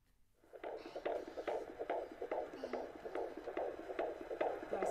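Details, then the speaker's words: Rapid, regular whooshing fetal heartbeat on Doppler at about 143 beats a minute, strong and healthy, recorded during pregnancy of a daughter later stillborn at full term; normal fetal heartbeat. "that was my wife they're saying it was the best sound in the world a healthy strong fetal heartbeat"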